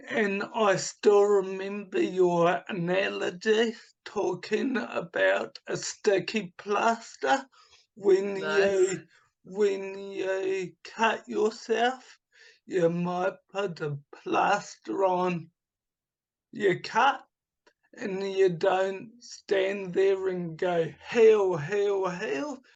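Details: Adult man with dysarthria from cerebral palsy caused by oxygen starvation at birth, also affecting his right hand; speech formerly very slow, now improved to about two to three times faster but not back to normal.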